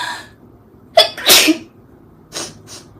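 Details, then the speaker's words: Woman with a flu-like cold and allergies, unable to stop sneezing: a quick intake of breath, a forceful sneeze, then a softer repeat sneeze. "Nothing is Good morning to me, not being able to stop sneezing."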